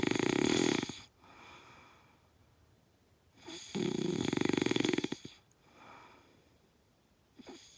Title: Loud Snoring pt.2